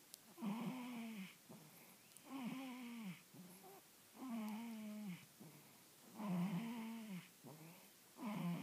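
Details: Newborn baby girl snoring.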